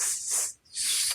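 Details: Speech therapist demonstrating a child's stuttering (stammering) feature of sound prolongation, such as drawing out the initial 's'; acted demonstration of stuttering sound prolongation.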